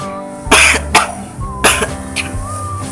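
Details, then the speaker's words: An adult who says they have a cough gives four short, harsh coughs in under three seconds over soft background music; a plain cough. "Halo guys, kayaknya gue lagi batuk nih."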